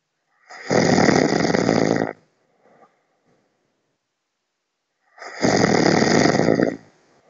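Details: Adult man snoring loudly in his sleep, as reported by his partner: two loud, harsh, rattling snores, each on an in-breath about 1.5 seconds long, separated by quiet.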